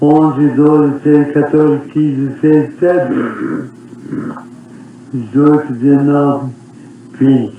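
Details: Patient counting 1 to 20 with pitch and volume variation and a voice break midway; vocal instability rated on the GRBASI scale.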